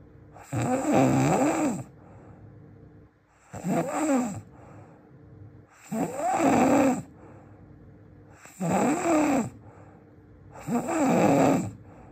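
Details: Loud, rough, rattling snores on each inhalation, about 24 a minute, with quiet exhalations between; heavy snoring, described as the loudest snoring in the world.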